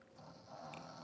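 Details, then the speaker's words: Loud snore described by the speaker: a single rough, rumbling breath sound building over about a second, fitting a dog snoring. "You hear that snoring? Loud as hell."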